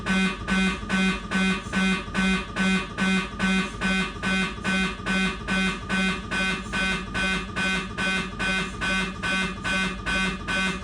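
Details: Siemens MAGNETOM Lumina 3 T MRI scanner during an abdominal sequence: loud, steady rhythmic buzzing pulses at about 143 a minute, normal machine operation.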